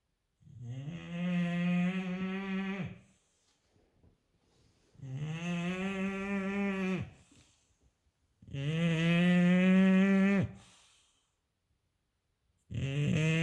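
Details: English bulldog asleep, giving loud, drawn-out, buzzing snores with a honking tone on each breath, about 16 breaths a minute.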